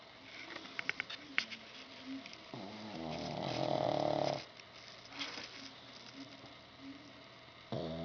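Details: Pug named Toby snoring while asleep: snorting, rattly noisy breaths with one loud snore in the middle, plus room noise and clicks.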